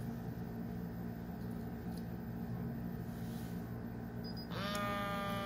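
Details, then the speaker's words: Pump motor hum rising to a whine as a home blood pressure monitor inflates its cuff on the speaker's own arm, while connected to an Arduino and read on a smartphone; the monitor keeps pumping while trying to get the BP. "that will happen every time that the blood pressure monitor is still pumping the air and trying to get my BP"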